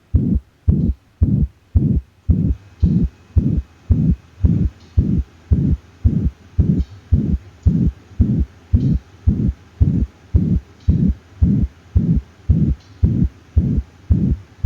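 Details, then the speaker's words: Systolic murmur between S1 and S2: a soft whooshing murmur filling the gap after the first sound, in a regular heartbeat near 111/min. "and the first murmur we'll listen to is a systolic murmur this murmur happens between s1 and s2"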